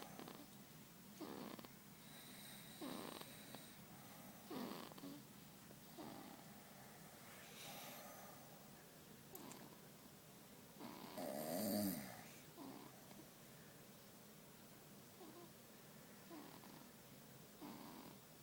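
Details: Baby snoring, recorded September 2012: soft, repeated noisy breathing sounds in a quiet room, light snoring.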